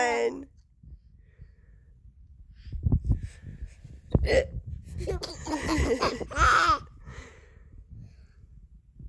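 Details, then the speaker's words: A mother's hiccups: a sudden, sharp voiced hiccup among her soft talking and her baby's sounds in a small room; hiccups. "I can't help the hiccups. They just come out."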